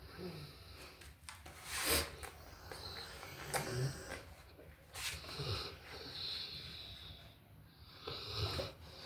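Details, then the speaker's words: Puppy asleep after eating a big meal: noisy snuffling breaths with snorts and whistling snores repeating every couple of seconds; snoring. "this what happens when you feed your dogs that good food got him snoring he ate all his food well not all of it but got a little bit left now he he's being lazy now snoring"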